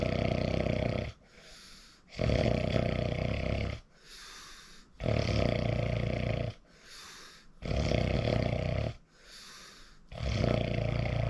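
Loud, coarse snores on each in-breath with quieter out-breaths between, about 13 breaths a minute: heavy snoring.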